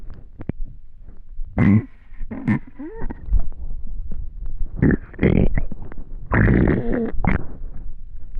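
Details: Bowel sounds (borborygmi).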